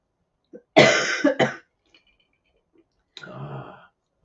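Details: Adult who is sick with chest congestion during allergy season: a short harsh burst of two or three coughs, then a quieter rough throat-clearing; acute hacking cough.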